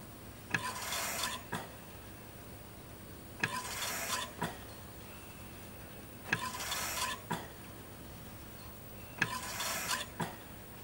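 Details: Ventilator sound effect: regular mechanical breaths of whooshing air, each opened and closed by a valve click, about 21 a minute over low machine hum, mechanical ventilator cycling.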